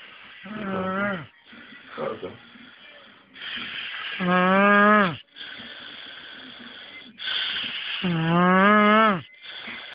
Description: I`ve never known anyone sound like this while asleep !!!